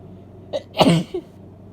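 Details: Female with a congested cold sneezing: a quick intake of breath, then one loud, wet sneeze burst and a short after-sound.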